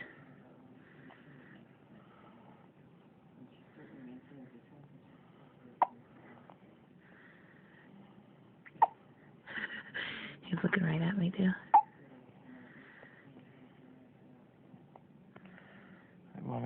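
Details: A boy, whom his father notes is ready to eat again, gives three sharp, brief catches of breath a few seconds apart, with soft room noise and voices; hiccups.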